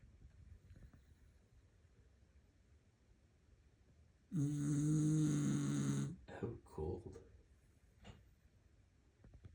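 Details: Person deeply asleep, snoring for over a minute: a single loud, buzzing snore lasting almost two seconds, then short rough breaths over quiet room hiss.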